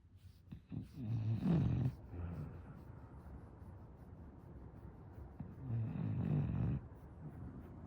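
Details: English bulldog snoring in deep sleep: two deep, low rumbling snores about four seconds apart, with quiet breathing between them.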